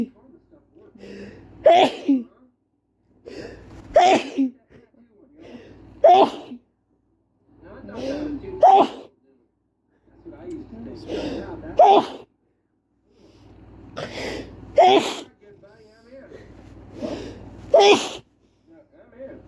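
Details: Male sneezing fit induced with chhikini powder: eight forceful sneezes in quick succession, each preceded by a sharp intake of breath.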